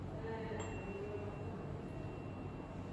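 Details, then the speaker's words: Tuning fork struck, ringing with a faint, steady high tone over low room hum during a Rinne test on a patient, who hears it longer by bone than air conduction: tuning fork tone, abnormal Rinne. "so in this patient he is not able to hear the tuning fork after we bring it to the next to the air meeting bone conduction in this patient is more than air conduction"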